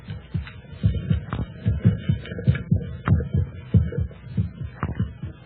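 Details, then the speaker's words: Simulated human heartbeat sound effect from a 1943 radio drama: deep, regular lub-dub thumps with a low hum, about 95 beats a minute. "that sound is the first and last sound in your memory it is the pulsating of a human heart"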